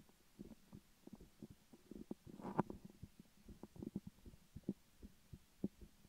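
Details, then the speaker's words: Heartbeat heard through a stethoscope in an ASMR recording: soft, regular low thumps with a brief scraping rub of the chestpiece partway through. "I don't know if I'll be able to do my heartbeat. We'll see."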